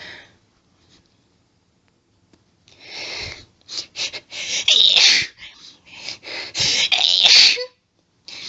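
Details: Woman's allergic sneezing fit: a rapid run of about a dozen forceful sneezes in groups, with hitching breath buildups between them.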